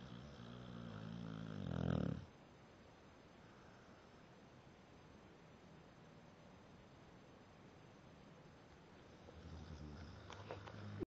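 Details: Deep, rumbling snore, then quiet breathing and another low snore building at the end; a sleeping dog (pit) snoring.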